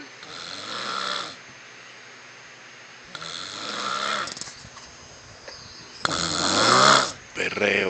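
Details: Harsh, rasping open-mouth snores on several breaths, loudest on the last, from a man asleep in bed with his mouth open; ordinary snoring, faint room noise.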